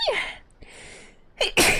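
A short voiced intake followed by an explosive, hissing burst of air: a single sneeze.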